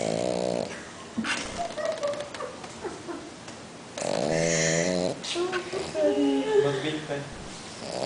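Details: Sleeping French Bulldog (Frenchie) snoring loudly: rattling snores and snorting breaths in a small room, likened to a fat drunk man; snoring.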